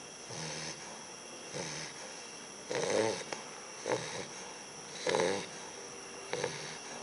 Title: Sumo : snoring bulldog puppy